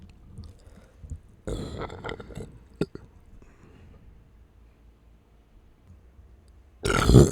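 Several loud, low, rumbling belches in a quiet room, with a final long burp at the end.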